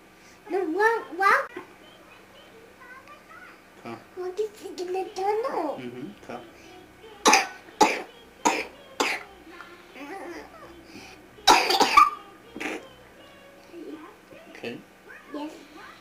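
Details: A sick young child's chatter is interrupted by about six short, sharp coughs in two bouts.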